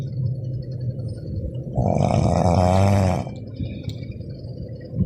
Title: #Snoring Sound😇 Good morning guys 😇 Shortvideovlog